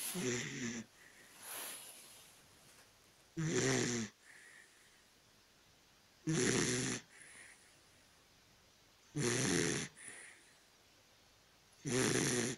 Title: Mr snores (Dachshund)